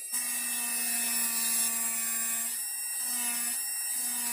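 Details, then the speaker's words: High-speed dental handpiece, steady high-pitched whine dipping under load, reducing the buccal surface of a mandibular first molar (#36) on a typodont model for a full veneer crown, extending toward the gingiva with finish line 1–2 mm above the margin. "So now I will slowly straighten my handpiece, and I will extend this buccal reduction towards the gingival area."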